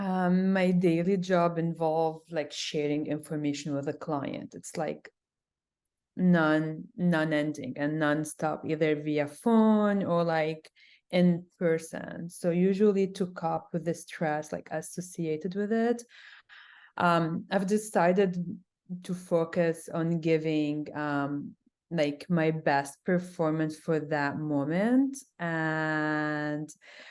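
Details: Adult woman who stutters, with sound repetitions in this stretch; she also reports having big blocks; stuttering.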